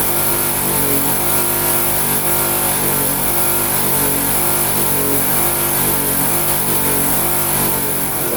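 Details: Suction machine running during a demonstration of oral and nasotracheal suctioning of an infant to remove secretions: loud steady motor drone with a constant hiss and no breaks.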